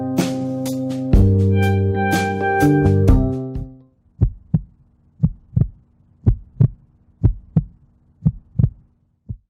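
Guitar music, then clear paired lub-dub heart sounds at about 60 a minute through a homemade stethoscope.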